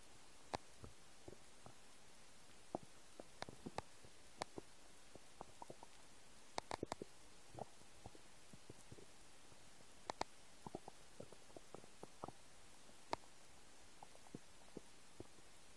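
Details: Empty stomach: irregular soft gurgles and clicking pops with low rumbling in a quiet room; ordinary stomach rumbling (borborygmi).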